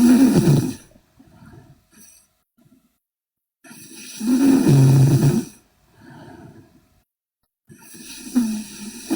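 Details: Sleeping Korean girl: loud, rough, rattling snores on each in-breath, about 13 a minute, with softer breaths out between; snoring.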